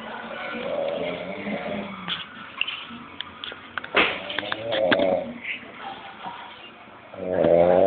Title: A man snoring